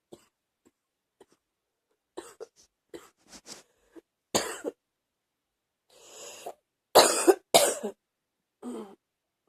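Several harsh cough bursts, some in quick pairs, after a few quieter throat sounds; a repeated cough getting stronger.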